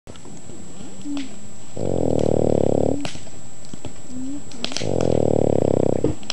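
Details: A Boston Terrier sleeps on a lap in front of a campfire and gives two loud, buzzy, low rattling snores about three seconds apart, with faint fire crackles behind. It is snoring.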